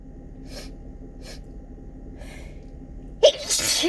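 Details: Morning sneezing fit, possibly from fall allergies: a few faint breaths followed by a sharp, loud sneeze burst at the end.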